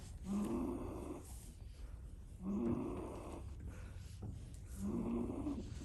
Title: Goat snoring🐐